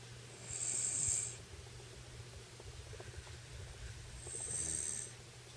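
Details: Woman napping on a bed after a bath beside a small boy; she says she does not snore: two soft, hissing snore breaths about four seconds apart over a steady low room hum.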